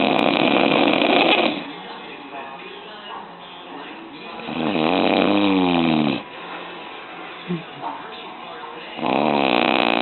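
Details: Adult man (dad) asleep, snoring loudly: rhythmic rasping breaths alternating with quieter stretches, faint tonal rattle on some breaths.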